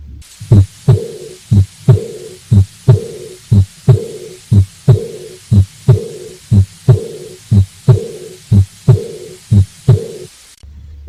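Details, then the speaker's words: Aortic regurgitation: regular heart sounds near 60/min, each followed by a soft blowing early diastolic murmur; an Austin Flint apical early diastolic rumble may also be heard, from the jet vibrating the anterior mitral leaflet. "in patients with aortic regurge an early diastolic rumble may also be heard at the apex due to regurgitation jet striking anterior leaflets of the mitral valve and causing it to vibrate the murmur is the austin flint murmur"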